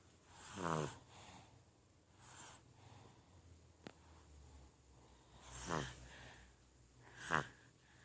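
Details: Baby snoring in sleep: three rattling snores, each on a breath in, with quiet breathing between them.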